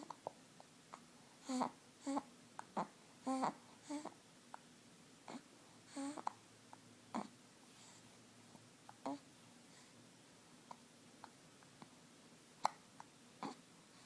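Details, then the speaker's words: Six-week-old baby cooing softly with short, sharp hiccup catches every second or two in a quiet room; normal infant hiccups. "Bue. Oh, there goes the hiccups. Boo. Oh, boo."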